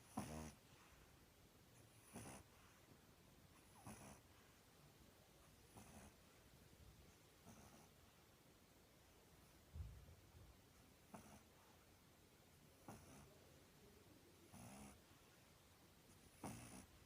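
Faint snorting snores repeating about every two seconds over steady background hiss; noisy breathing in a sleeping flat-faced puppy.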